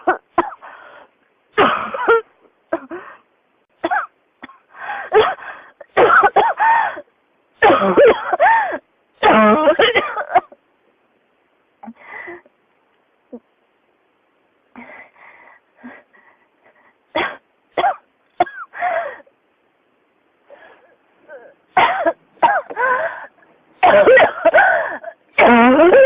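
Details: Adult coughing non-stop: repeated, irregular, harsh cough bursts continuing throughout with short pauses, a persistent cough.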